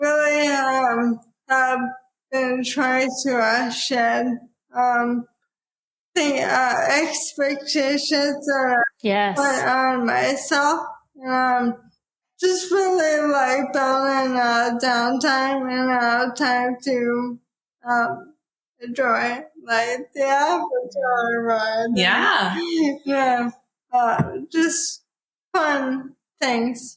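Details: Dysarthria in an adult woman with probable ALS, diagnosed in 2014 at age 33 after rapid onset (half Ironman to needing a cane within six months); about ten years since diagnosis; real speech.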